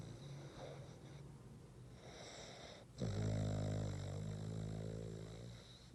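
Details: Boston terrier snoring: quieter fluttering breath followed by a louder, sustained low rattling rumble.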